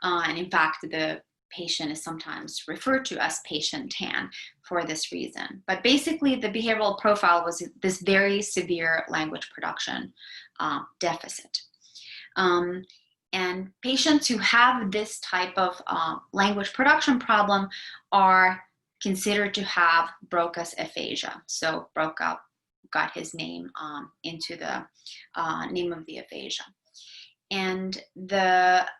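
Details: Adult lecturer; normal fluent speech.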